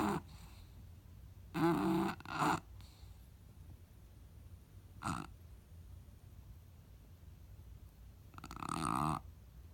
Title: Mabel Snoring